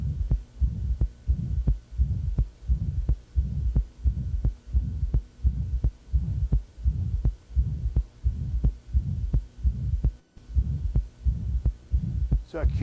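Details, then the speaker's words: Acute severe mitral regurgitation in a male patient: regular heartbeat near 86 a minute with a short, soft apical systolic murmur fading before S2, plus a diastolic inflow rumble from large regurgitant volume. "oh and that's an inflow Rumble so much blood has gone back into his left atrium that a lot of it's going to come back down"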